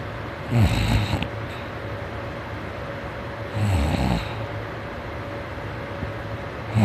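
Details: Morning snoring during sleep: two loud, low, rattling snores about three seconds apart, roughly 19 per minute, over a steady room hum.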